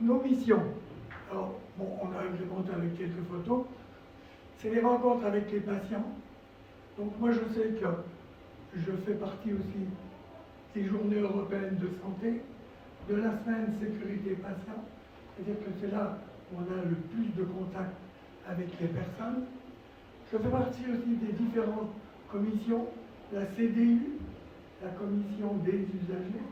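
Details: Adult man, a former nurse, with dysphonia from vocal cord lesions and respiratory problems following coronary bypass surgery, complications including pleural problems, and 4 months in intensive care.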